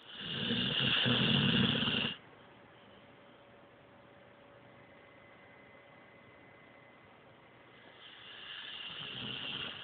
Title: My brothers dog snoring lol